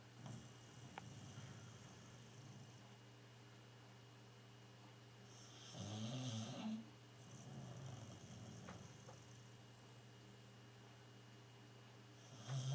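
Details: Sleeping Tibetan Terrier dog, diabetic and blind: low rumbling snore with a steady low hum and quiet room noise; snoring.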